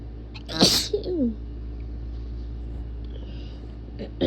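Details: Strong, wet, explosive induced sneeze with a brief vocal tail, in a person sick for a week with bad allergies; shirt soaked, dizzy afterward.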